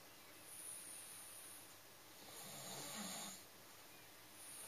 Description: My doggy snoring and dreaming